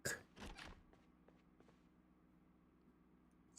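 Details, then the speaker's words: Stomach growling from the person speaking, heard through the microphone: a few quick gurgling bursts then faint clicks over low room hum; he suspects something in his morning smoothie and stopping morning coffee may cause it. Borborygmi. "my stomach growling there I know sometimes you can hear it from the microphone"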